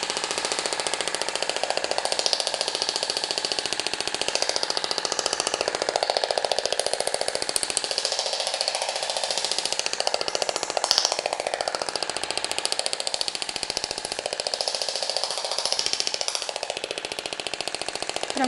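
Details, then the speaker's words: Radial shockwave therapy handpiece, ballistic mode, treating fibrotic cellulite in a positioned patient during an aesthetics practical: rapid, steady loud rattling taps about 15 pulses a second, a characteristic noise that may startle the patient; normal operation. "ela vai trabalhar de forma ballistic vai fazer um barulho bem característico certo"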